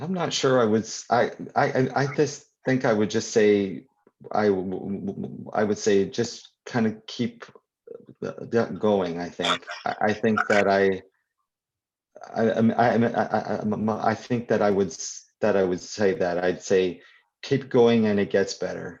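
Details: Adult poet and children's author who stutters, speaking live at a 2021 convention for people who stutter; real, not acted; stuttering.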